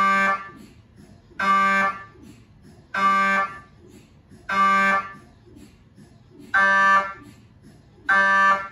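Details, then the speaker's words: MRI scanner noise from a GE Healthcare 1.5T or 3T system: loud buzzing tones in bursts about every 1.5 seconds with quieter knocking between, recorded inside the scan room. "This video is intended to help you familiarize yourself with the different sounds an MRI makes and eventually be comfortable around an MRI scanner."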